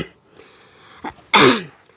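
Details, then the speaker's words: Short throat-clear then one loud harsh cough in a quiet room from an adult with a cough. "Ngày hôm nay thì tôi sẽ chia sẻ cho các bạn một bài thuốc trị ho rất là hay nha. Và hôm nay là tôi bị ho"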